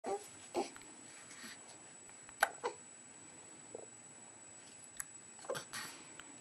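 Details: Three-week-old baby with hiccups: several faint, brief catches at irregular intervals over a steady background hiss.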